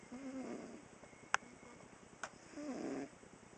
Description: I snuck up on my cat while she was taking a cat nap and snoring, and I videotaped her..hehe.